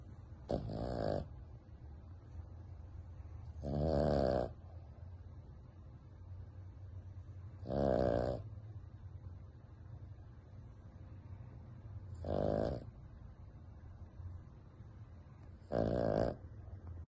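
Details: Loud snorting snores about every four seconds over a low rumbling background from a sleeping miniature pinscher after exercise; snoring.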